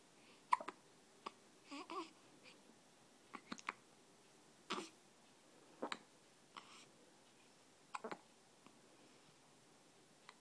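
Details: 12-day-old with hiccups: repeated short, sudden catches of breath with small vocal sounds between them, in a quiet room.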